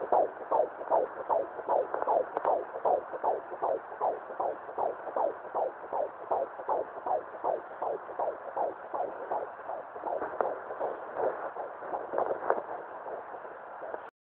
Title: 17 weeks 5 days fetal doppler